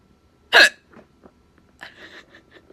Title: Hiccups at work